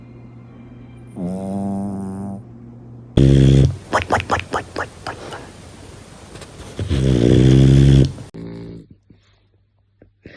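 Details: Sleeping puppy snoring: loud rattling snores alternating with high whiny sighs, with bursts of snorting between.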